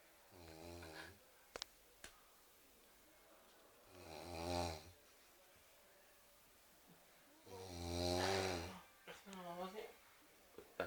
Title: Ngorok